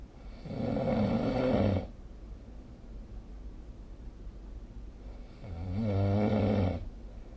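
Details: Snoring recorded with the SnoreLab smartphone app: two long, loud, rumbling snores on breathing in, about five seconds apart, with a quiet breath between.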